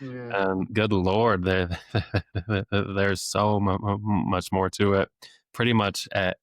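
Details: Adult male speech-language pathologist who has stuttered since age eight, had off-and-on speech therapy into his early twenties, and deliberately lets his stutter show; stuttering with repetitions of sounds, words and phrases.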